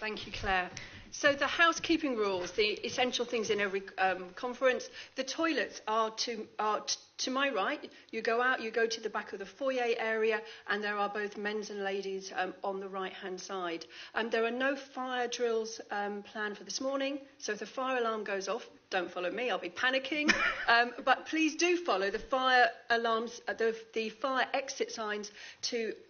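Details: Stammering in an adult woman who states she has a stammer and gets stuck on sounds, speaking during a conference.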